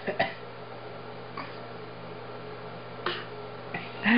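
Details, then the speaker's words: A child gives a few soft, brief, deliberate fake coughs in a quiet room after being asked to cough after an adult: voluntary cough. "honey can you cough after me"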